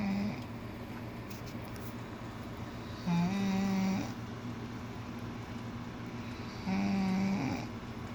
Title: Yep she snores